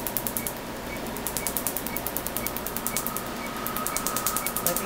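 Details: Tattoo artist's first laser tattoo removal session on an entire half sleeve, test spot first: rapid, sharp snapping laser pulses, about eight a second, over a steady machine hum.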